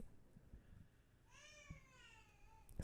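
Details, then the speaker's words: A baby girl cries in the background, in another part of the room, while her mother records; a single drawn-out, high wail with falling pitch, wanting her mommy; infant crying. "my baby's crying in the background if y'all can hear it. She's in good hands. She just wants her mommy."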